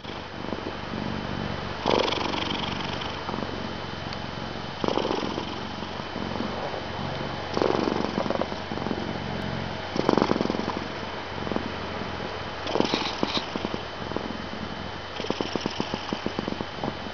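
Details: A cat snoring while purring: a steady low rumbling purr with louder noisy breaths about every three seconds.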